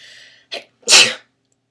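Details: A person sneezes on camera: a quick breath in followed by one sharp, hissing sneeze; an ordinary single sneeze.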